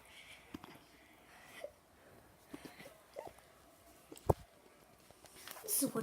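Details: A dog gives about five short, sharp hiccup clicks at slightly uneven intervals in a quiet room.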